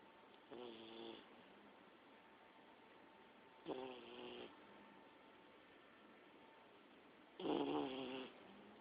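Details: An Olde English Bulldogge snoring: three short, tonal, rattling snores a few seconds apart, about 17 a minute, over quiet room noise.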